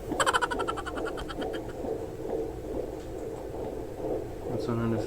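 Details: Doppler whooshing of a fetal heartbeat, about 140 beats a minute, a normal rate, heard on a home fetal Doppler used for the first time in a second pregnancy.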